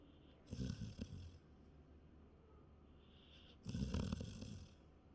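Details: Two rough, rattling snore bursts about three seconds apart with quiet breathing between, during sleep; ordinary snoring.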